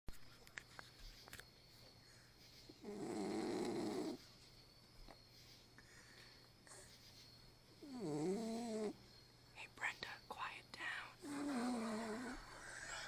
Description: Our little dog P-Nut the Cock-a-poo snoring